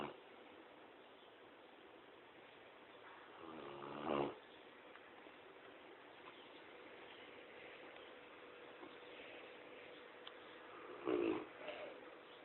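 Two loud, rough snoring breaths stand out against a steady background hiss; a sleeping dog snoring.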